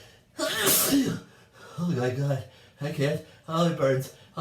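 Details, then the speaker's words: Adult sneezing loudly and repeatedly while resting in a bathtub with wine after being out in the rain, nose burning: a loud sneeze, then gasping, voiced catches of breath building to more sneezes; a run of repeated sneezing. "I'm waking up the neighbors with my loud sneezes. I gotta be quiet."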